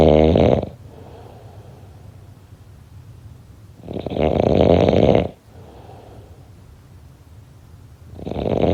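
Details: Loud, rough, rattling snores on each in-breath about every four seconds, with softer breathy out-breaths between; three snores heard: snoring.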